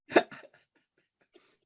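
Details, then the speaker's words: Adult with idiopathic pulmonary fibrosis, constant coughing: two short, harsh cough bursts with no wet rattle, a dry nonproductive cough. "coughing constant coughing I have that except I don't have any I don't have that disease at night I cough a lot yeah dry cough I can't get the you know nothing comes up"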